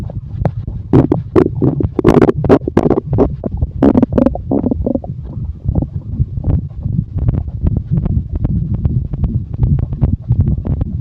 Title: Sound stomach growl and chest rub